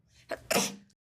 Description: demonstrates a fake sneeze.🤧🤧🤧🤧🤧🤧🤧🤧🤧🤧🤧❤️❤️❤️❤️❤️❤️.